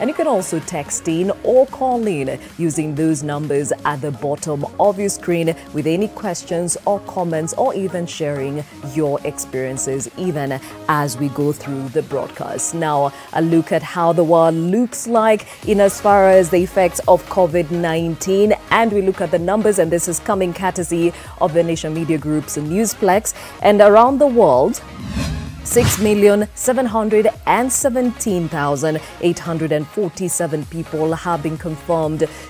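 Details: Adult broadcast host; typical speech.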